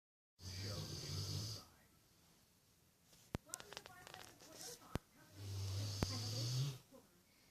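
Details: Sleeping Rottweiler dog snoring while dreaming: two low, rumbling snores with soft snuffles and small clicks between them.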